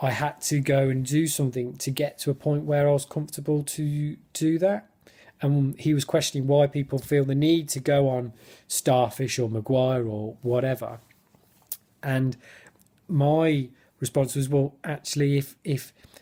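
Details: Adult who stammers, speaking spontaneously in a football fan-cam interview with his speech technique abandoned; lots of blocks and clearly overt stammering — stuttering.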